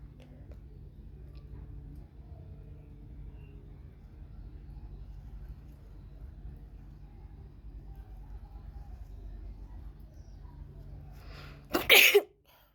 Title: Wide Nose Sexy Sneezes Africa.